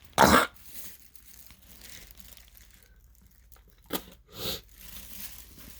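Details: One loud cough, then a brief throat-clearing cough after a pause, with audible phlegm, during an asthma attack; productive cough.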